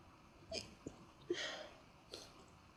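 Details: Person sneezing repeatedly: a few short, sharp airy bursts in quick succession with faint clicks between them; a run of small sneezes.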